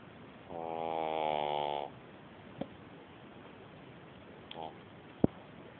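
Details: Horse making one drawn-out, buzzing, tonal snore on the breath in, then a shorter one and a soft click: snoring with a vibrating, humming quality.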